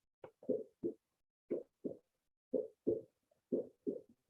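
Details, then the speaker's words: Normal heart sounds (S1 and S2), played as a lecture example: paired lub-dub beats, steady at about 60 a minute, with a slightly softer first sound and a slightly louder second. "You hear the difference between those, the slightly softer one and then the slightly louder one. That's a normal heart sound."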